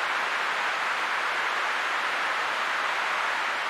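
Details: Steady pink-noise hissing band centred in the mid range, a synthetic sound used to find and match tinnitus frequency.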